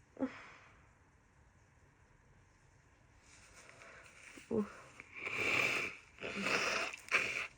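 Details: Female with a severe summer head cold: quiet sniffs, then a few short, wet, explosive sneezes close together in a rapid run.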